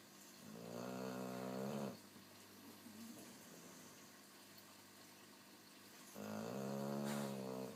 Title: Boxer Jeeves snoring